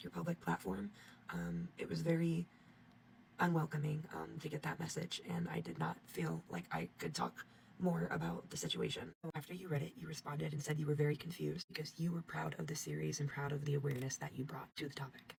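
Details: Adult speaker; Normal speech.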